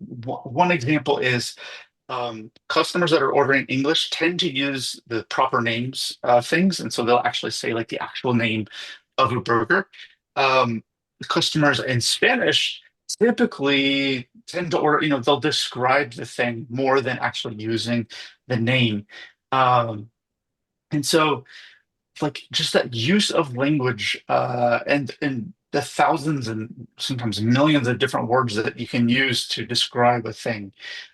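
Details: Adult man speaking; ordinary speech.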